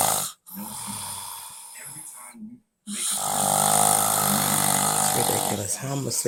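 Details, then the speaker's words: Heavy snoring in a sleeping adult man: loud, rattling snores on long inhalations separated by brief silent gaps; partner reports many nights of lost sleep. "that tomorrow when I tell him he's snoring he won't believe it"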